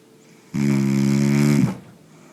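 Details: Snoring from a man: a single loud, droning snore lasting about a second, steady and buzzing in pitch.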